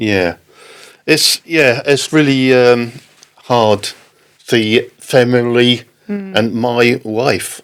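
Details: Man with post-stroke aphasia following a stroke in October 2019; halting speech, non-fluent aphasia.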